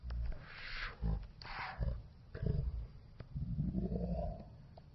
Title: My dog snores 😂